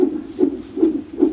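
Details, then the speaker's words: Rapid, regular whooshing fetal heartbeat at about 145 a minute on a fetal monitor, recorded at hospital during a false alarm after three days of contractions. "Our baby's heartbeat."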